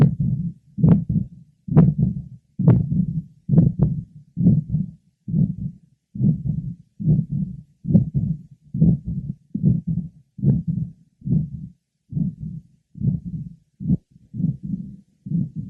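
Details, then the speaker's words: Patient with combined aortic stenosis and regurgitation, auscultated at the aortic area, pulmonic area, left sternal border and apex. Aortic stenosis and regurgitation murmurs. "our next patient is both aortic stenosis and regurgitation"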